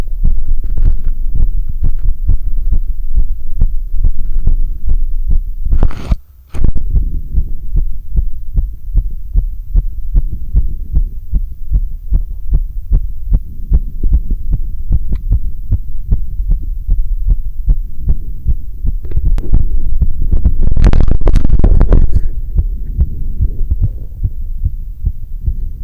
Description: Severe sinus tachycardia after spending a bit of time on a rowing ergometer.